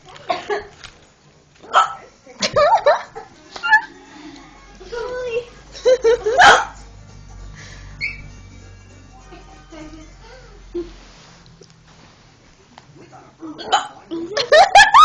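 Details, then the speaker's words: Person with hiccups trying to stop: sharp, abrupt catching sounds interrupt talk and laughter, with music in the background. "Stop hiccuping. I need to stop hiccuping. I need to stop hiccuping."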